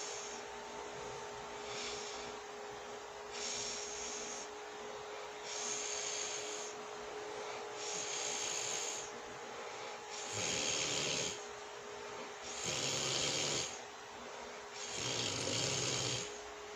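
Steady breathing heard over constant hum, rising to soft, low snoring on the later breaths, about 26 breaths a minute; light snoring during sleep.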